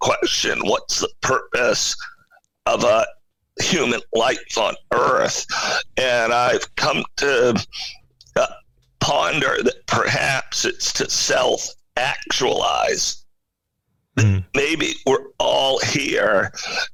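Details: Adult male CEO with spasmodic dysphonia, a rare neurological voice disorder affecting only speech, with no known cause and no known cure, acquired in 2010; finding: spasmodic dysphonia.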